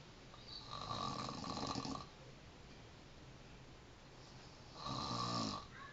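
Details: Person snoring, recorded in Depok, 2011: two long, harsh, rattling snores on in-breaths about four seconds apart, quiet breathing between; ordinary loud snoring.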